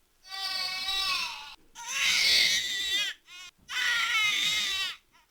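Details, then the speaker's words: Infant discomfort cry when the lower abdomen is very tight and the baby is trying to release abdominal pressure: three loud, high-pitched, strained cry bursts separated by quick catch-breaths. "there's also another discomfort cry that you might hear and it's when the lower abdomen it's really really tight and they're trying to release all that pressure in their abdomen"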